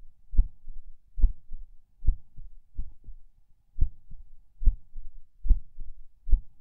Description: I am lying in bed, falling asleep, and feel every beat and every skip of my heart. I am not sure if these soft skips are PACs? There is also distinct split S2.